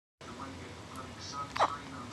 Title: My babygirl with the Hiccups :)